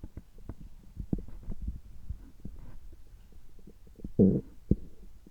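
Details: Bowel sounds recorded from the belly just after a gastroscopy (upper endoscopy) at a checkup with normal results: soft gurgles and low rumbles, a louder gurgle near the end; ordinary bowel sounds.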